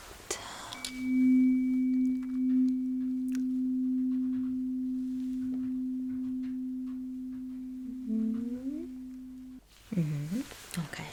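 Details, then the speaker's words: Simulated ASMR cranial nerve exam: tuning fork placed behind the ear for a Rinne hearing test rings as a steady pure tone that slowly fades. "So, I'm putting it behind your ear, okay? Are you ready? It's fine. It's not going to hurt. It's not going to be too loud."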